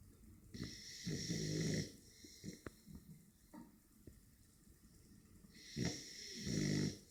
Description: snoring american bulldog puppy